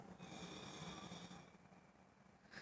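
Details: A single loud, rough snore on a drawn-in breath, with a low rattling flutter and higher whistling tones, fading toward the end; snoring.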